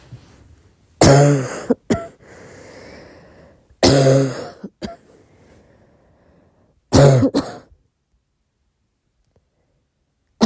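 Three separate soft, voiced coughs, each followed by a quick catch of breath, spaced a few seconds apart in a quiet room.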